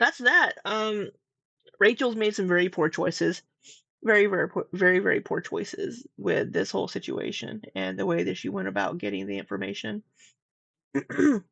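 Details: Adult woman with a scratchy, slightly sore throat this week who says she does not normally have vocal fry; vocal fry (creaky voice).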